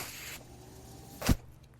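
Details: Adult man's own mechanical ventilator heard while he records a podcast: soft airy hiss, low steady hum, then a brief sharp puff of released air: mechanical ventilator breathing cycle.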